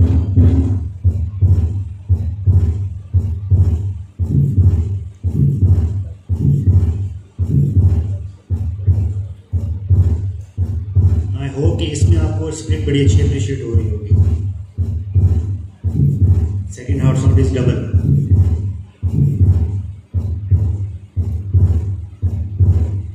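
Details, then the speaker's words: Heart auscultation teaching recording of atrial septal defect: fixed splitting of the second heart sound, which with a flow murmur supports the diagnosis. "of heterosexual effect is fixed splitting of s2 and if it is complemented by a failed marmalade the diagnosis becomes easier let's listen to the final oscillatory findings of asd"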